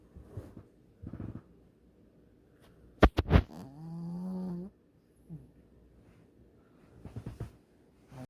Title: Doggy snoring